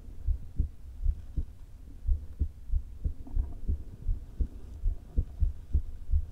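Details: Woman's heart recorded herself via stethoscope placed low on chest: rapid, irregularly spaced beats of uneven loudness; atrial fibrillation with a leaking heart valve, before open heart surgery.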